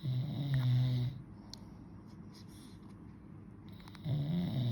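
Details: Dad's snoring, with baby nearby reacting: two low, rattling snores separated by a quiet gap of about three seconds, faint room noise.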